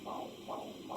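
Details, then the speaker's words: Doppler fetal heart auscultation after Leopold's maneuvers, mother supine with a hip pillow, in a nursing demonstration: rapid, regular whooshing fetal heartbeat at 140 per minute, normal fetal heart sounds. "the heartbeat awesome so that's 140 per minute which is beautiful for the baby"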